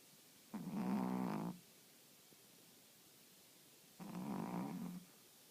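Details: Two rumbling snoring breaths, each about a second long and roughly three seconds apart, in a quiet room; snoring.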